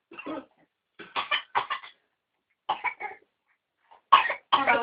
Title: baby copying coughs